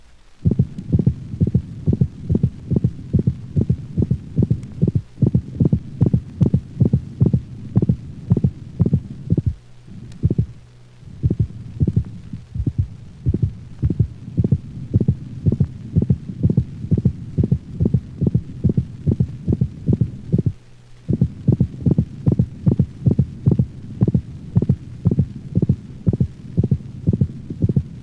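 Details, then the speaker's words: Dog heart sounds, mitral valve region: a rapid regular canine heartbeat with an extra high-frequency systolic click that is not present on every beat; systolic clicks may antedate mitral insufficiency in the dog. "the systolic click is a high frequency sound commonly heard over the mitral valve region it is not heard with every beat if it moves close to and then away from the first sound"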